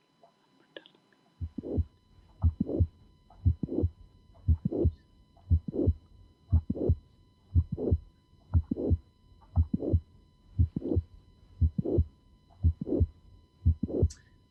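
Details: Mitral valve prolapse (mid-systolic click with late systolic murmur).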